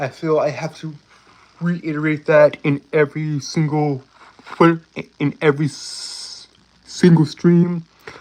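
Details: Stuttering in a male streamer who self-reports a speech impediment and stuttering; this stretch has repeated words and fillers; stuttering.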